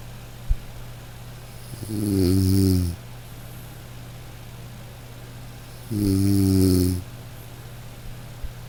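Two long, loud, vibrating snores about four seconds apart, roughly 15 a minute, over a steady low hum.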